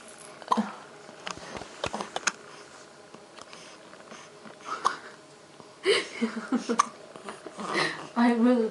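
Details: Hiccups in a child: several short, sharp vocal catches among quiet room noise and a child's voice.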